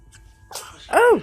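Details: Hiccups of a baby, with its mother.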